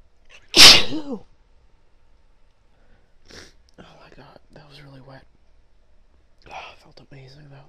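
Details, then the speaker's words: One loud, explosive sneeze from a woman, followed by a few soft breaths and quiet voiced sounds in a quiet room, during a run of repeated sneezes from a tickly nose; an ordinary sneeze. "Bless me. That was big. Oh god. Oh, that felt so good."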